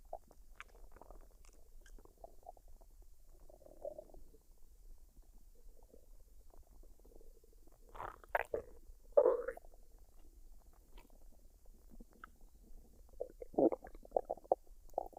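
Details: Female stomach digesting a dinner of fried rice and duck, unedited recording: soft, irregular gurgles and short rumbles; normal bowel sounds after a meal.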